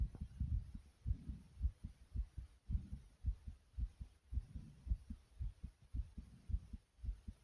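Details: Rapid heartbeat: fast, regular heartbeat at about 110 beats a minute with soft, heavy breathing sounds in the background.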